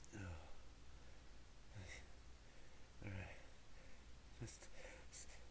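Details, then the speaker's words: A woman trying to hold back repeated sneezes she cannot stop: four short, muffled bursts of air through the nose and mouth, quiet and held back, which are stifled sneezes. "Oh man, I can't stop. Sneeze. Fuck."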